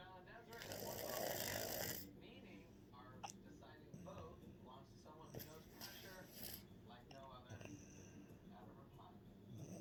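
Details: A loud snore: a rattling snore on the in-breath, followed by quieter fluttering breaths over faint room noise.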